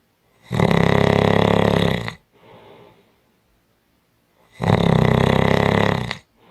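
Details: Two loud, rough, low rattling snores about four seconds apart with a soft breath between; strong, heavy snoring.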